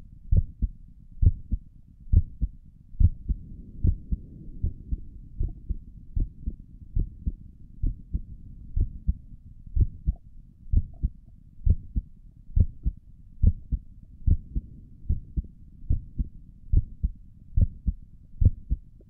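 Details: Own heartbeat recorded through a stethoscope on the chest for relaxing ASMR: steady soft low thumps at about 69 beats a minute, regular rhythm; stomach gurgles occur in the recording; normal heart sounds.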